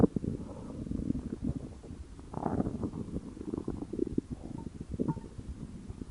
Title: My Stomach Growling😊❤️ (NO HATE PLZ)